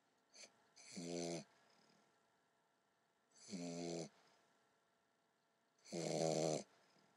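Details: An English Bulldog puppy snoring in its sleep: three rattling, buzzy inhaled snores about 2.5 seconds apart, with quiet between them.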